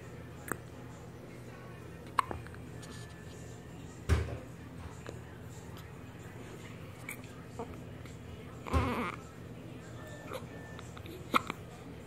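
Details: Hiccups in someone who constantly has them: brief, sudden catching sounds recurring irregularly, a few times over twelve seconds, with faint room noise.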